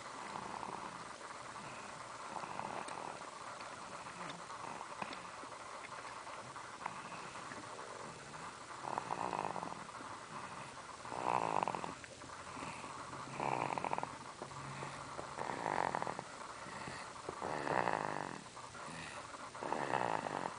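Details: During a nap: soft, nasal snoring sounds about every two seconds over a steady background hiss; light snoring during sleep.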